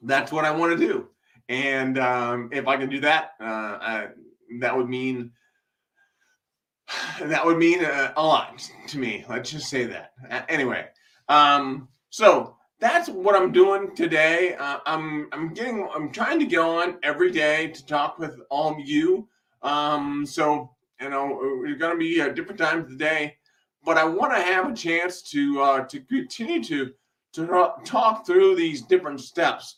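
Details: Man with an acquired speech impairment he attributes to a brain haemorrhage, after brain surgery, with residual vision impairment following sudden blindness in 2011; he also reports breathlessness: hesitant, disfluent speech.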